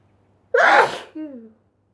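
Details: Single loud explosive sneeze followed by a brief voiced sound, induced by dust; sneeze.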